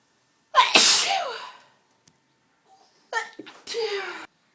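A loud sneeze, a pause, then two more sneezes in quick succession, each preceded by a sharp in-breath; repeated sneezing from inhaled pepper irritation.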